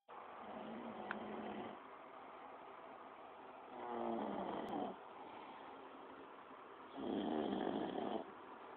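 Soft rattling snores on inhalation, about three breaths in nine seconds, against steady room hiss; moderate snoring.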